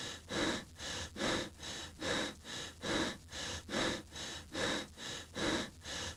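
Simulated, fast, deep, regular breathing with loud in-and-out breaths at about 35 a minute. Rapid deep breathing during exercise.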